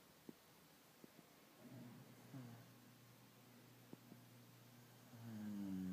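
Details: Soft, low rumbling snore on a breath, rising louder toward the end, in a quiet room; ordinary snoring.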